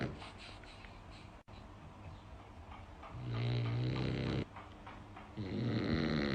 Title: DOGS snoring - try not to laugh 😂😂